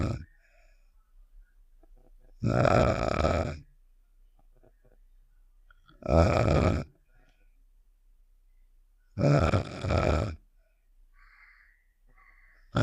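Three loud, rough, rattling snores about 3.5 seconds apart, with quiet pauses between. Snoring, from a cartoon sound effect.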